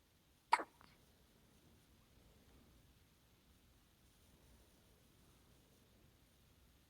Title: Middle of the night hiccups